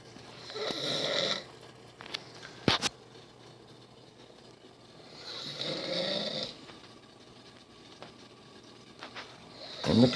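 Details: Snoring from a sleeping person who claims not to snore: two long rattling inhaled snores about five seconds apart, with a third starting at the end, over faint room noise.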